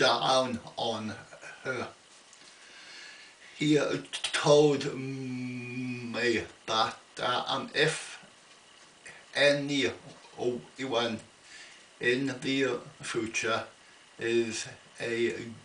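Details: Adult man with an ongoing stammer, attending a weekly speech therapy group; stuttering.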